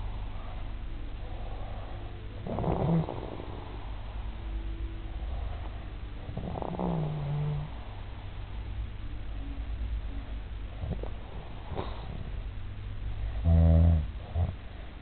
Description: this guy is a munster, he didnt believe me when in told him he is snoring so i had to film it to proof it